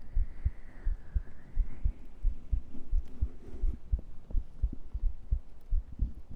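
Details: ASMR heartbeat recording: steady low thumping heartbeat at about 87 beats a minute through a microphone against the chest; normal heart sounds.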